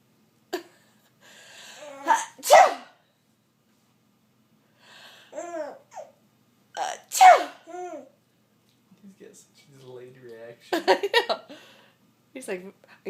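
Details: Adult (mother) sneezing two or three sharp, explosive times, each followed by a baby's bright laughter.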